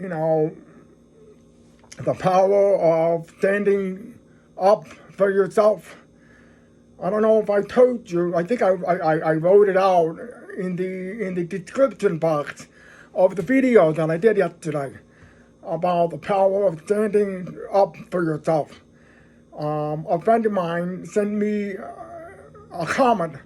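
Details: Adult man who is deaf, speaking English; deaf speech.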